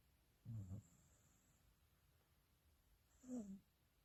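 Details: Corgi snoring in deep slumber: two low, rough snoring breaths about three seconds apart.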